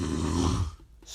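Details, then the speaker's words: Adult with habitual heavy snoring recorded during sleep: a single loud, low, rattling inspiratory snore about half a second long, fading into quiet breathing. "I had never heard it before until I recorded it but every person that had slept next to me has suffered through it that sound has ruined countless relationships for me"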